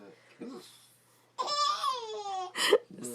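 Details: An adult man (the father) hiccups: a sudden, sharp voiced catch of breath that follows an infant's drawn-out squealing as the baby laughs at the hiccups.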